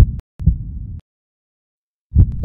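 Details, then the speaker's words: Low, dull heart sounds spaced widely apart with long silent pauses: bradycardia, an abnormally slow heartbeat, an arrhythmia from a change in the heart's normal electrical conduction system. "A change in the heart's normal electrical conduction system can result in an arrhythmia, or irregular heartbeat. An arrhythmia can be an abnormally slow heartbeat"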